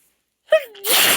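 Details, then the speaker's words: Female in a staged hide-and-seek scenario, allergic to closet dust, gives a brief voiced gasp then one sharp, forceful, possibly partly held-back sneeze. "I'm so allergic to the dust in this closet please I promise you I promise you I can you keep quiet we can't get caught"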